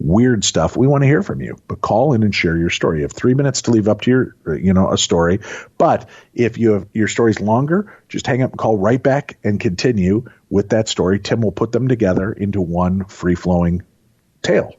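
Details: Adult male host; Normal speech.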